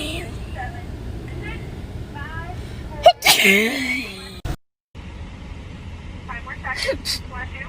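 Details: One loud sneeze with a sharp inward gasp before it, from a girl right after a COVID-19 nasal swab test, then brief silence, with background talk and traffic; a reflex sneeze.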